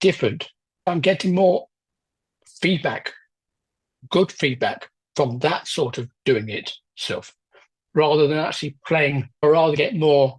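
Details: Adult man with aphasia after a left-hemisphere stroke 10 years ago, with word-finding problems and difficulty getting the mouth and tongue to produce speech; aphasia.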